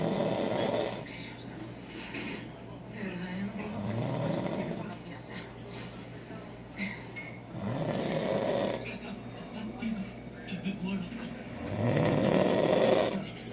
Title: My husband has The LOUDEST SNORE